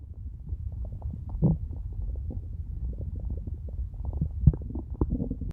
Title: stomach growling 5